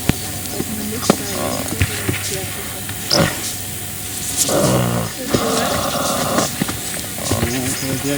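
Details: Snoring from a 3-month-old colt (Dutch Draft mother, Shire father), heard over background music; equine snoring.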